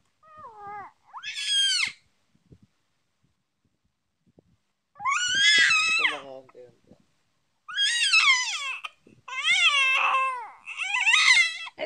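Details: Baby crying over a pacifier during play time; repeated high-pitched wails, a typical fussing cry of frustration.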